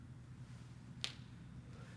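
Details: Single sharp crack from a finger joint during chiropractic adjustment of the elbow, wrist, hand and fingers, thrust timed with breathing out; harmless joint cavitation (joint cracking/popping).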